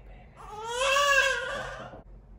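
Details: A single strong, rising and falling tonal wail from a newborn baby girl just after a quick, uncomplicated delivery of a first baby; a normal healthy newborn cry.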